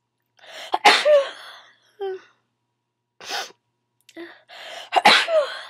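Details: Two loud, explosive sneezes, each preceded by a sharp intake of breath, with short voiced sounds between them; sneezing.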